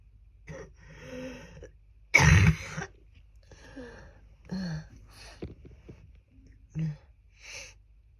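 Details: Adult with a cold, at the worst point of the cough and with much phlegm (feared pneumonia): one loud, harsh cough burst with voiced breaths and throat sounds; wet productive cough.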